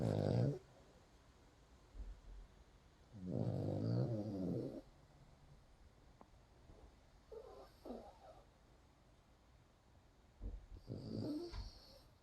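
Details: Sleeping dog snoring while it rains outside with the windows open: low, rattling snores recurring every few seconds, with softer snorts and faint steady background noise; snoring.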